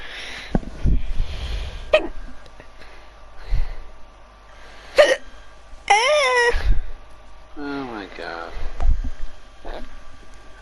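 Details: Sudden, sharp hiccup sounds recur every one to two seconds with brief voiced sounds between them; someone with many persistent hiccups.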